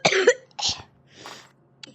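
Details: Two sharp cough bursts, then a softer breathy cough and a faint click, while playing Gorilla Tag and unable to stop coughing; a short run of repeated coughing.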